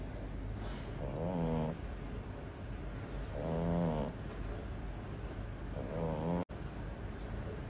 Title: Puppy Frenchie Snoring Like A Gorilla 🦍